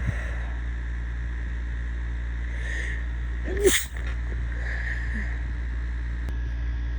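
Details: One sudden sharp burst of air, a single sneeze, over a steady low hum; from a compilation of random sneezes recorded over a couple of days.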